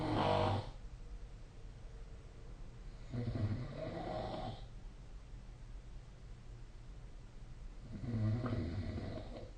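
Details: Snoring during sleep: slow, rough snoring breaths about every four to five seconds, with quiet room noise between.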